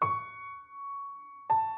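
Two sustained piano notes with a slightly wavering, out-of-tune quality, a simulation of diplacusis, where each ear hears a different pitch.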